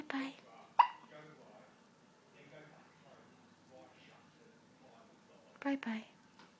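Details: Baby born 5 weeks premature, still in the special care unit, with hiccups after a feed, as the baby gets after every feed: three short, sharp, jerky breath catches spaced a few seconds apart in a quiet room.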